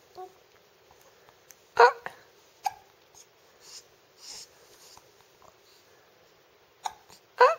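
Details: 10-week-old infant with hiccups: four sharp, abrupt catches, irregularly spaced, with soft breathing and small noises between them in a quiet room.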